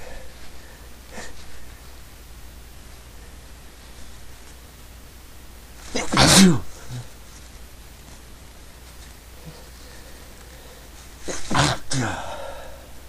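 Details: Two sharp, explosive sneezes about five seconds apart against low background noise; person says they can't stop sneezing. Sneezing.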